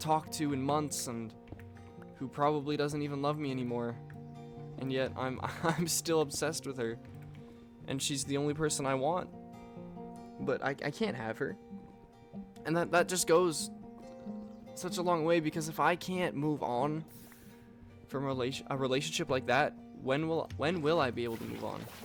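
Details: Male speaker with self-reported stuttering, stumbling over words and repeating the same phrases over and over; he notes he is stuttering while speaking.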